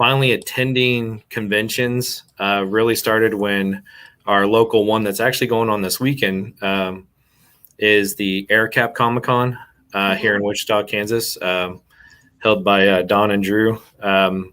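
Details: Adult male speaker; normal speech.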